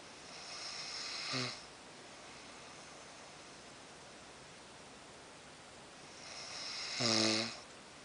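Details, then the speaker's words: Adult man (husband) asleep in bed, snoring starting soft then growing louder: two harsh, rattling snores about six seconds apart, the second louder, over quiet room hiss; loud snoring. "You can hear him snoring. He's gonna start off slow. I'm gonna hear him. It's a soft snore. He gets louder."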